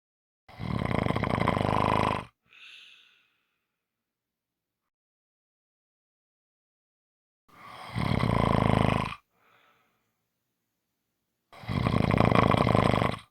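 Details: Short snoring recording: loud, rough, rattling snores on inhalation about every five seconds, each followed by a brief soft exhale.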